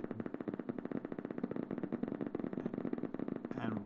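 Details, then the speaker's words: Normal needle EMG recruitment: during a very slight voluntary contraction, rapid, regular crackling pops from the speaker as a new motor unit comes in. "we ask the patient for a very slight contraction and now a new motor unit is coming in one can hear that in the"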